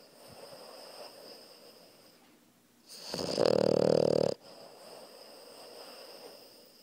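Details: Puppy asleep lying on its owner, snoring: one loud rattling snore of about 1.5 seconds rising out of quiet breathing and room hiss.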